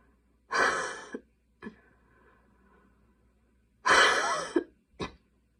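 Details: Night coughing at 12:30 am while unable to fall asleep: two loud harsh coughs, each followed by a short catch of breath, with quiet breathing between; cough.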